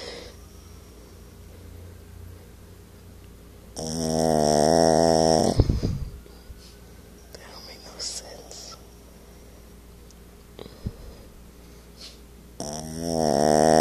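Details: 8 lb Yorkie snoring loudly like a grown man, two long rattling breath sounds with quiet breathing between.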